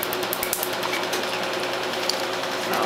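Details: Q-switched 1064nm Hoya Conbio C-6 Medlite laser firing at 10 Hz, a rapid steady train of sharp snapping clicks, on the black ink of a 17-year-old homemade black-and-red tattoo on the arm; laser tattoo removal.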